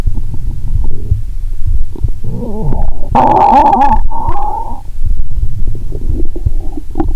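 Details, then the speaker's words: Loud gurgling and rumbling with bubbly, squeaky runs of gas and fluid, recorded by stethoscope near the navel while lying down after drinking cola and swallowing Mentos; a loud groan about every 2.3 seconds: active bowel sounds. "Stethoscope की आवाज में लगभग कोई cut editing नहीं है। लगभग हर 2.30 सेकंड में एक बार, आपको एक तेज़ कराह👂 सुनाई देगी।"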